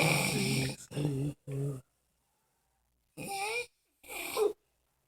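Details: Sleeping dog snoring: several short, voiced groaning snores with nasal, whiny tones, separated by silence.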